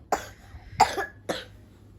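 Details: Three sharp, fairly dry, evenly spaced coughs from a child who is slightly unwell with a mild cough, heard at bedtime while being read to.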